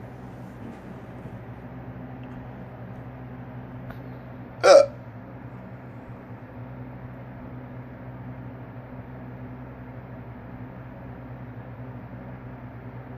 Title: has hiccups again.